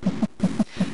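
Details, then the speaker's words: Fetal heartbeat on ultrasound Doppler at about halfway through pregnancy: rapid whooshing double pulses, roughly 160 beats a minute, from an educational animation's ultrasound examination. "about halfway through my pregnancy Adam and I went to our physician to get an ultrasound examination listen carefully and you can hear the sound of our baby's heartbeat"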